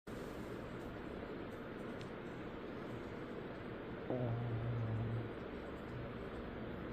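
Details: A sleeping puppy gives a single deep, honking, horn-like snore like a tuba or trombone, lasting about a second over a steady background hiss; snoring.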